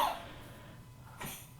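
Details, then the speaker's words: Coughing from someone in the background, over there, during a spoken book discussion, possibly faint. "that's that's Rambo. He's coughing over there. I don't know if you can hear him"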